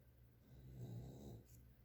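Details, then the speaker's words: Pet dog snoring while asleep in the background of a quiet room as someone works on a craft project; snoring. "I'm actually going to glue this down I don't know if you can hear the dog snoring"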